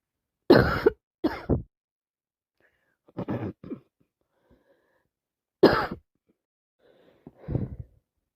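About five short coughs in small clusters, some with a wet, loose quality, in a quiet room; coughing during a common cold.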